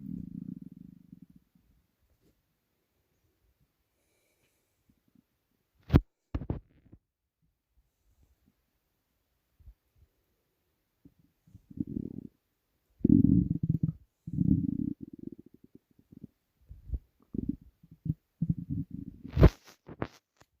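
Low gurgling rumbles and squelches in irregular bursts, separated by silence; stomach rumbling, a normal bowel sound.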